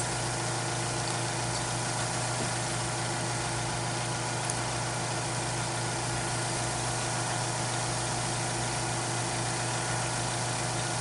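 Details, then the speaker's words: Tracheostomy suctioning demonstration with sterile suction catheter, intermittent suction applied by occluding the port with thumb while rotating and withdrawing, under 15 seconds: steady continuous motor hum and rattle of a portable suction unit; suction machine running. "apply intermittent suction by including the white port catheter with thumb and gently rotate catheter that is it as it is being withdrawn do not suction for more than 15 seconds at a time"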